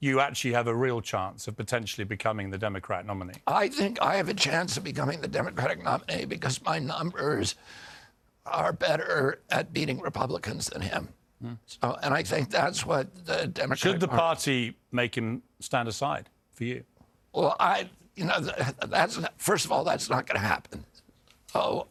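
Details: Spasmodic dysphonia (he calls it spasmodic dystonia) in an adult man: neurological, onset at 42 after a 1996 injury, vocal cords tighten constantly, not a tissue injury; Kyoto surgery about eight months earlier improved reliability; now on alternative therapies.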